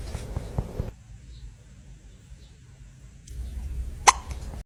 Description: cute hiccup dog and cat 🥰